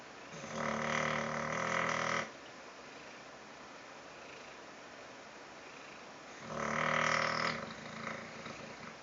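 Two loud, buzzing inhaled snores about five seconds apart, separated by quiet breathing; ordinary snoring in a sleeping cat.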